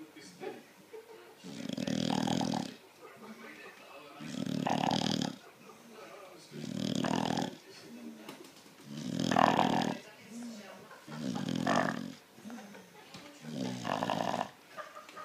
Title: Sasha the bulldog snoring